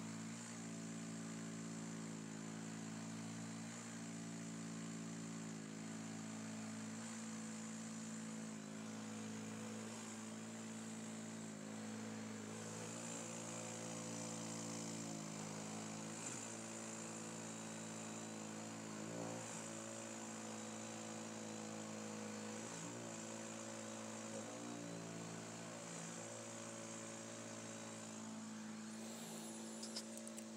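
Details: Steady mechanical humming drone with a tonal whine, continuous throughout: a noisy CPAP mask and machine worn by an adult woman while she sleeps.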